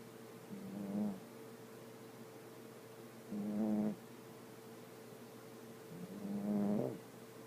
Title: My baby dog when she sleep she snoring